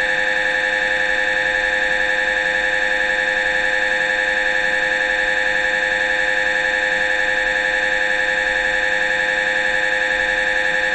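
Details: Brain MRI recorded inside the scan room: loud steady buzzing electronic tone with fast even pulsing, typical MRI scanner noise during a brain scan sequence.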